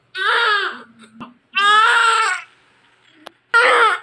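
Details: Strong, loud cry in repeated bursts with brief pauses from a big 3.8 kg newborn baby girl, a vigorous cry just after a normal delivery at 41 weeks, past the due date.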